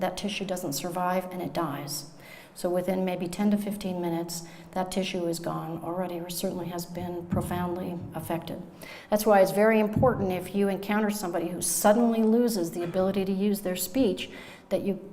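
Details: Adult woman speaking (lecture); normal speech.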